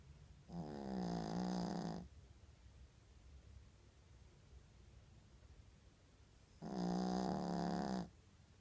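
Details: Two loud, deep rattling snores about six seconds apart, each lasting over a second, with quiet breathing between; ordinary snoring.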